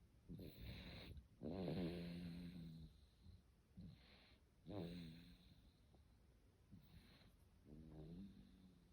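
Irregular rattling snores with snorting breaths in and softer breaths out, some with a whistling edge; adult snoring during sleep.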